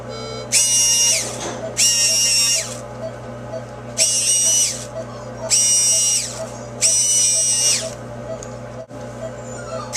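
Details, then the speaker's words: High-pitched whining bursts, switching on and off about five times, from a dental prophy polisher used on a dog's teeth during a veterinary dental cleaning, applied briefly just under the gum line to smooth the tooth surface after scaling. "this just helps smooth out the surface if there was anything on the teeth and also from the cleaning"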